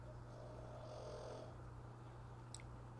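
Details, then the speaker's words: Snoring heard in the background of a live weather stream, loud ("big time"). "hey you can hear Hunter snoring in the background Big Time"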